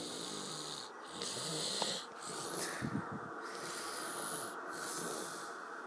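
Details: Snoring during sleep: rough, irregular, noisy breaths with a rattling quality, over a steady hiss of room noise.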